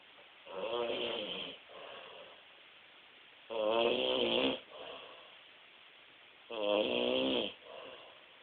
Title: doesnt snore!.3gp